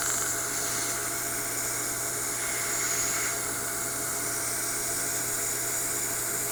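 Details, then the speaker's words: Steady high-pitched hiss and hum with water spray from an Erbium YAG hard tissue dental laser in continuous use, on a 30-second timer, removing an e.max veneer on the left central incisor. "the late laser energy goes through the glass I have this timer set on 30 seconds so we'll do two or three rounds of 30 seconds"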